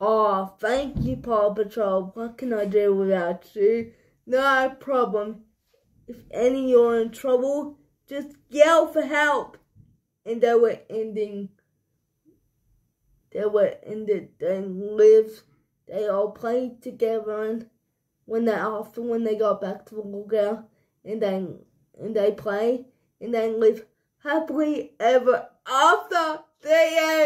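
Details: Adult storyteller; speech in cerebral palsy.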